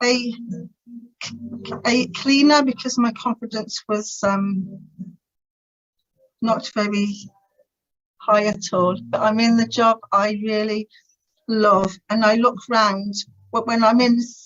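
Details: Adult woman who has stammered since about age three, severe in her teens, who later attended the Starfish Project speech therapy course to gain control over it; stuttering.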